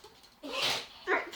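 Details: Dog sneezing nonstop: two quick, forceful nasal bursts in a row, a sharp hissy expulsion then a shorter snort; repeated sneezing.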